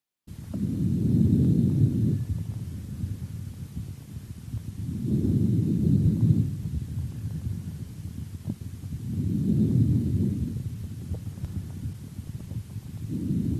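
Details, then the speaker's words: Stethoscope auscultation of the chest, comparing symmetric points: normal vesicular breathing, a soft, low blowing "f"-like sound heard through all of inspiration and the first third of expiration, about 15 breaths a minute. "как правило выслушивается мягкий дующий шум похоже на букву ф на протяжении всего вдоха и одна треть от выдоха давайте послушаем как звучит везикулярное дыхание"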